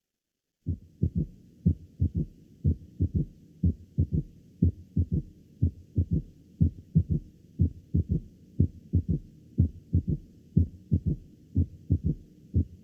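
Low-pitched heart sounds in a galloping three-beat rhythm, about 60 a minute, consistent with an S3 ventricular gallop.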